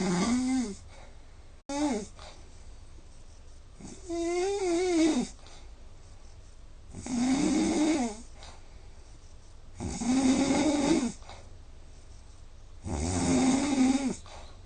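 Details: Sleeper recorded with Snore Lab app, about 4 hours sleep with roughly 3 hours (80%) snoring, snore score 166: loud rough inspiratory snores, about five in fifteen seconds, quiet gaps; heavy habitual snoring.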